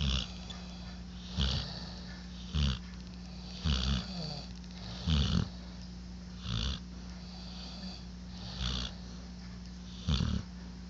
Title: Dueling snores